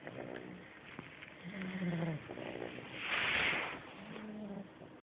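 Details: 8-week-old Staffordshire puppy snoring while asleep: soft buzzy snores, rattly sound on each inward breath, breathy hissing exhalations between; snoring.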